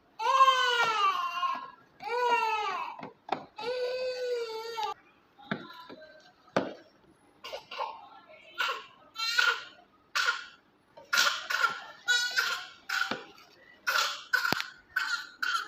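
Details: NICU newborn around feeding and burping: long rhythmic wails easing into shorter whimpering cries; ordinary infant crying.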